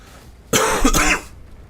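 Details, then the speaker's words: Adult gamer with acid reflux gives a single brief cough or throat clear; chest irritation, expects coughing for 10–15 minutes. "That's why you might hear that. I'll be coughing for like next 10 to 15 minutes. I know it's unprofessional of me, but my [ __ ] chest is just blowing up."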